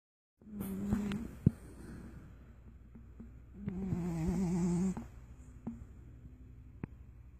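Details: Loki, an animal, snoring (2016 recording): two buzzy, rattling breaths with a whistling edge, separated by quiet breathing.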